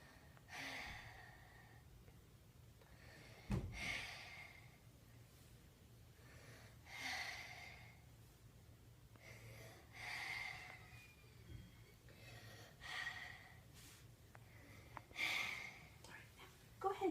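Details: A 6-year-old boy sits up for stethoscope auscultation of the anterior chest while taking deep breaths (heart rate 90, respiration 22/min). Slow, deep, soft, even airy breaths with no wheeze or crackle: normal breathing.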